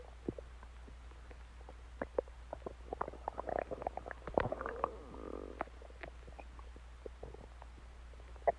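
Quiet room with scattered gurgles, pops and brief squeaky rumbles from the belly. Ordinary stomach growling from gas and fluid moving through the gut.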